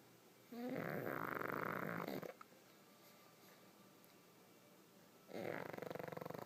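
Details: Pug snoring while sleeping with her eyes open: long, harsh, fluttering snores separated by a quiet pause.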